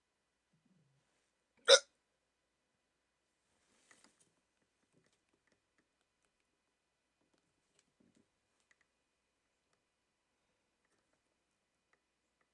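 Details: Rare 14-minute hiccup attack in an adult with sleep apnea, after waking from sleep with a CPAP mask: one sharp, abrupt hiccup, then near silence.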